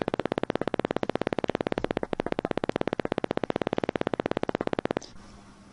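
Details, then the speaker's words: EMG simulator software demonstration, needle electrode recording a single motor unit potential summed from fibers within 2 mm of the tip: rapid, regular crisp popping at about 140 per minute, constant in shape. "this electrode now is recording an action potential that is the sum of the individual singing fiber action potentials from fibers within 2 millimeters of the recording tip but fibers outside do not contribute significantly"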